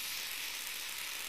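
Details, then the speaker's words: Steady high hiss of ethyl chloride spray applied to the shoulder skin for about five seconds as local cooling anesthetic before a subacromial injection for impingement syndrome and partial rotator cuff tear. "we use ethyl chloride spray for local anesthetic we spray the skin for approximately five seconds perished and here it's going to go cold"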